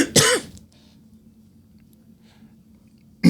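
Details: One sharp cough with a brief throat clear, then near silence and faint room noise.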